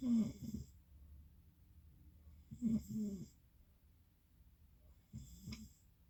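Three rattling, throaty snores a couple of seconds apart with quiet gaps between; ordinary snoring.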